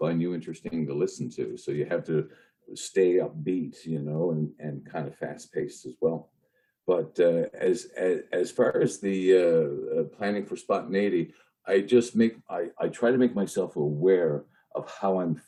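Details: Lifelong stuttering in an adult male news reporter who has long hidden his stutter using tools and strategies, with associated panic and anxiety in stressful speaking moments.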